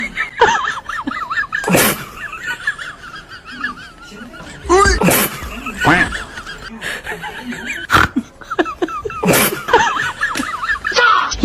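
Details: Baby sneezes compilation: several short, sharp infant sneezes, each a sudden burst of air, with adult laughter and chatter around them; ordinary sneezing.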